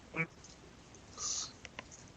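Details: Faint, hoarse, quack-like barking croup cough heard in the background during a live radio show; the cougher is said to have croup, and the hosts remark that it sounds bad.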